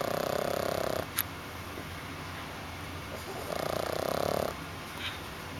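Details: French Bulldog puppy snoring in sleep: two loud fluttering snores on the in-breath, separated by quiet out-breaths; snoring.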